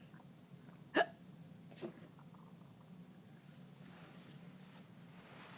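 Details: Two brief, sharp gulping hiccups about a second apart over quiet room noise.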